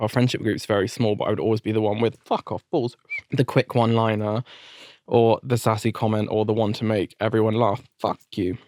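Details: Adult man with adult-onset Tourette syndrome, diagnosed after a seizure and a brain tumour in 2019. Involuntary vocal tics with offensive language (coprolalia).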